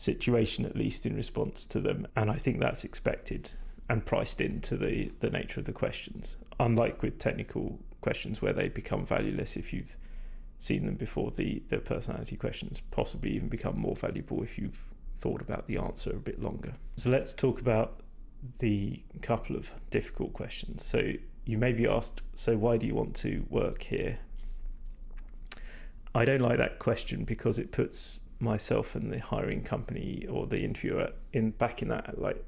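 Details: Adult man whose voice he says is degraded and stressed after prolonged talking without drinking enough; vocal fatigue.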